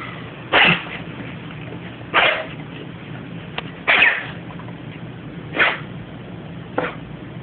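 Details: Foster dog treated for kennel cough, owner now suspects heartworm positive: five short, harsh, explosive coughs about every one to two seconds over a steady background hum.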